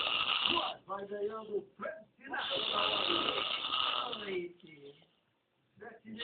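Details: Father filmed snoring while asleep: rattling, fluttering snores with television talk in the background.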